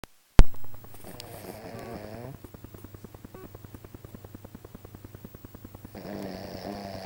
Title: snores as the crown shuts is doors on sunday 046.AVI